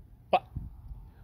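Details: Non-speech vocal tic from an adult man with Tourette syndrome.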